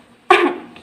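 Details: Simulated, acted single short, sharp cough, performed as a demonstration of cough and sneeze etiquette.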